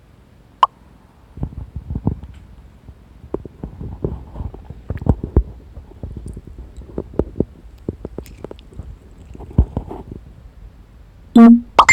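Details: Tabby cat sleeping while listening to a person's stomach noises; irregular soft gurgles, pops and clicks from an adult's abdomen: active bowel sounds (borborygmi).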